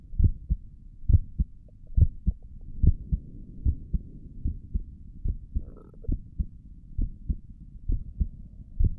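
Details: Heartbeat heard through a stethoscope on the chest for an ASMR recording: steady paired lub-dub at about 70 beats a minute over a soft chest hum; stomach gurgles occur during the recording; normal heart sounds.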